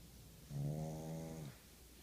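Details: One low, rumbling, voiced snore lasting about a second over quiet room noise from PJ, a very tired sleeping pug: snoring.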